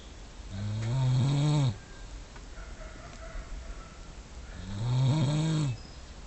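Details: Snoring in a male napping during the day: two long, deep, rumbling snores on inhalation with a quiet pause between.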